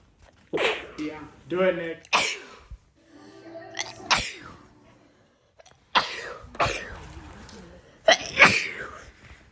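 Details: Series of sharp, explosive sneezes, some preceded by a drawn-in breath, one after another from different people; sneezing compilation.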